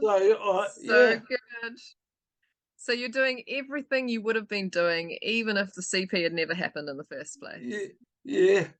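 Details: Adult speaker in conversation; typical speech.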